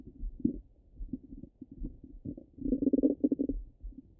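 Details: Stomach rumbling: low gurgling rumbles and bubbling runs of irregular pops from gas and fluid moving through the gut; ordinary bowel sounds.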